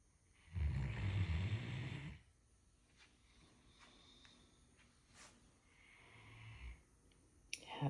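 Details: Female Great Dane napping in her comfy crate after her bed was cleaned, snoring loudly with a deep rattling breath-in followed later by a softer one: snoring.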